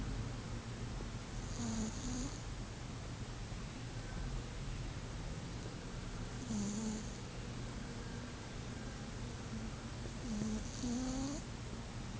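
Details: Sleeping cat snoring: soft, whistling, nasal snores repeating every few seconds over steady room hiss.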